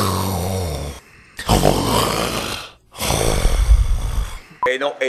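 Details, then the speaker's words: Person asleep at night in a dark farmhouse: rough, rattling breathing in long bursts separated by pauses, with a low droning tone at the start; snoring. "Empezó el concierto de los ronquidos. Vamos a hacer un corte para que ustedes escuchen cómo es que se durmió aquí en esta finca."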